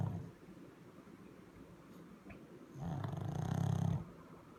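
Quiet breathing, then a loud, rough, low rattling snore on a breath in. Snoring in a sleeping dog.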